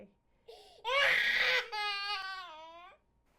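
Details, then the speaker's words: An infant with laryngomalacia, recorded during scope viewing of a voice box that flops in: crying with harsh, high-pitched inspiratory stridor. "Look at how everything flops in, and note the stridor."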